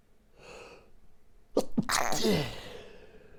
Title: Morning Stifled Sneezing Fit